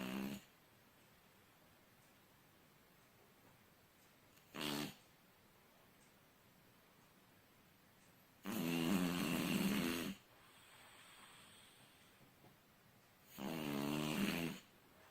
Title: The Strange Case Of Snoring Cats